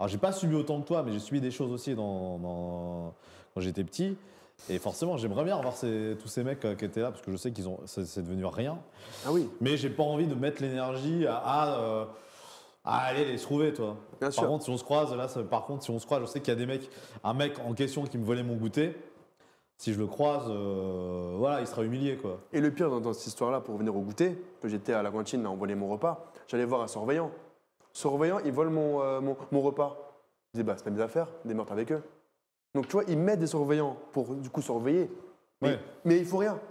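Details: Stuttering in a 24-year-old male magician who stuttered heavily as a child and still stutters somewhat less now; unscripted storytelling with part-word and word repetitions heard.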